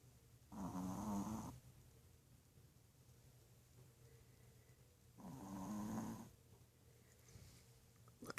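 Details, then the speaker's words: A sleeping blind dog, lying with its paws crossed, gives two rough, rattling snores on its in-breaths, at about 13 breaths a minute; snoring. "with his little paws crossed in the back. He's so cute. My little snoring blind angel."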